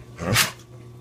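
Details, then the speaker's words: Dog sneezing: a single short, explosive sneeze. "sneezes? What are all those sneezes about?"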